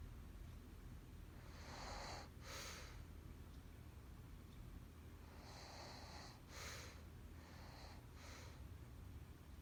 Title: My girlfriend don’t snore